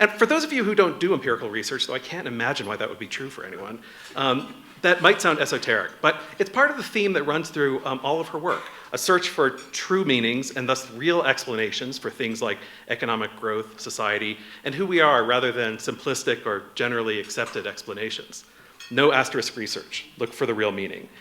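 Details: Adult speaker; normal speech.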